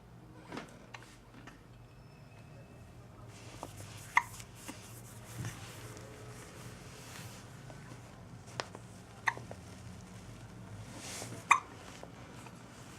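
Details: A one-week-old baby with hiccups: short, sharp little catches recurring every few seconds over quiet room noise.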